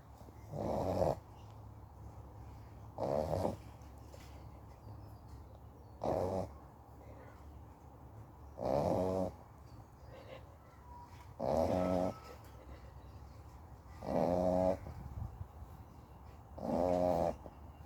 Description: Oreo the Amstaff x Bully XL is a loud snorer then any living human being.🤣🤣🤣